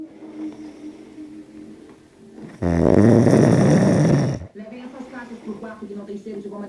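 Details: Person snoring in the early hours of the night: a loud, rattling snore of about two seconds during breathing, with quieter voices before and after.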